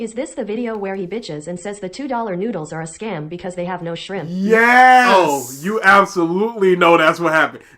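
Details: Adult speaker; normal speech.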